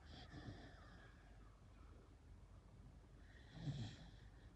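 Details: Two soft, low rasping breaths a few seconds apart with quiet room noise between: light snoring from a sleeping beagle that is also shivering from cold.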